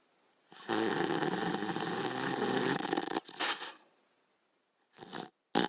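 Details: Border Collie dog asleep: a long, rough, rattling snore followed by shorter snorting breaths and pauses; snoring during sleep.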